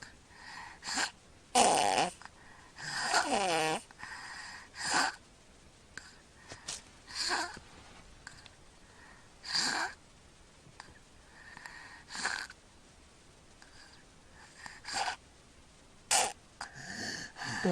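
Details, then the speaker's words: A sleeping child's snoring while breathing through the mouth, not congested. It is uneven and broken by loud snorting gasps for air, with pauses where little air moves; breaths before the gasps seemed to get no air into the lungs. "it goes so that knows gasping for air the breaths they took beforehand he was actually not getting anything into his lungs"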